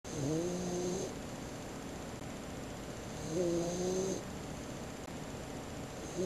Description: 16 weeks old (today), snoring on the bed after getting all tired out from our walk in the woods.